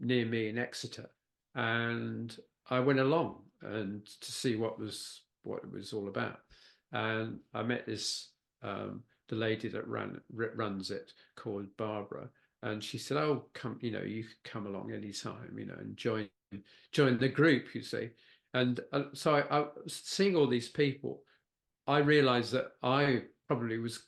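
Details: Mild word-finding difficulty from post-stroke aphasia in a man who had a stroke at age 69, a brain bleed affecting Broca's area.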